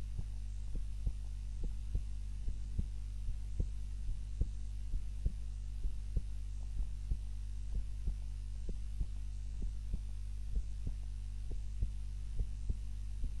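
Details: Soft regular heart thumps under a steady low hum: normal heartbeat, self-recorded on a timer during a nap while lying on the back (supine) instead of the usual prone position.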